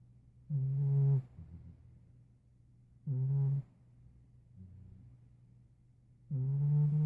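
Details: Nearly 5-year-old former stray cat asleep: fairly loud, buzzing low snores about every three seconds, with quieter breaths out between them; ordinary snoring.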